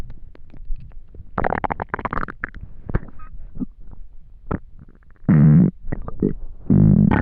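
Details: Extremely hungry stomach: low gurgling rumbles and long, deep, loud, drawn-out growls from the belly. Ordinary hunger bowel sounds (borborygmi).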